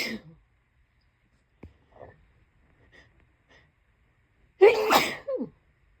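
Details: Quiet breaths and sniffs, then one sudden explosive tickly sneeze with a brief voiced tail; an ordinary single sneeze.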